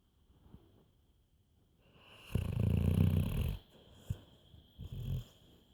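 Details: Black labrador snoring while asleep: a deep, rumbling snore on a long breath, then shorter snorting breaths.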